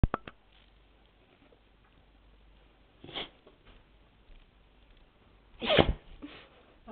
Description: Whenever our beagles lies on his back he sneezes.